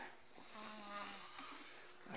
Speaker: He's passed out, man. I've never seen him this past. He sounds like an alien creature.